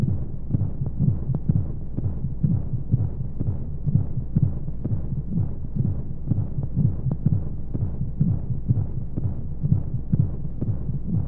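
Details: Womb sound played as a baby sleep aid with white noise: muffled, rhythmic whooshing heartbeat thumps at a regular rate under a steady hiss of flowing sound, as heard from inside the womb.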